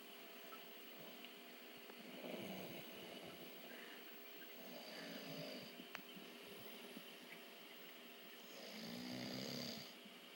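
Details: A sleeping person breathes slowly with soft, rasping snores on a few breaths against steady room hum; ordinary snoring.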